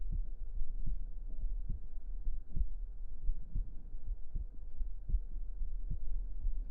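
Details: Close-up heartbeat sounds recorded for relaxation ASMR: regular soft low thumps, about 75 beats a minute, under a steady low hum; ordinary heartbeat.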